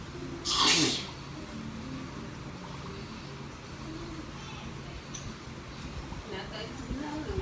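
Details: Sneeze deliberately induced, possibly by nasal swabbing: a single sharp, explosive sneeze followed by quiet room noise and faint breathing.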